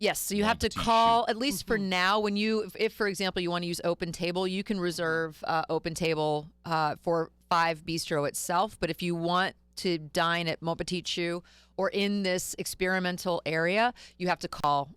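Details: Adult speaker; typical speech.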